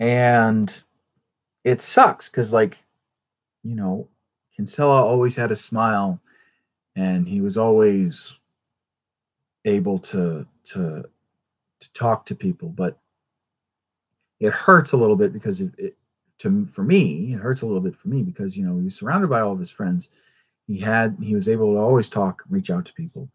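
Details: Stuttering in an adult male with a traumatic brain injury from a rollover car accident in England, who says he stutters all the time.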